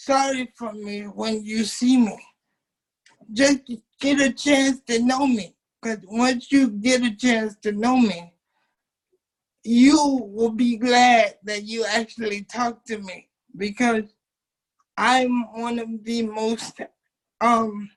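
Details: Dysarthric speech in a 27-year-old man with cerebral palsy since birth, whose muscles do not work typically; he uses a wheelchair, and doctors had told his family he would never talk.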